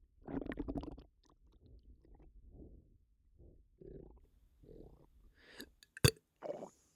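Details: Bloated, upset stomach: gurgling, bubbling abdominal rumbles in several bursts, then a short sharp burp-like noise; loud bowel sounds (borborygmi) with burping.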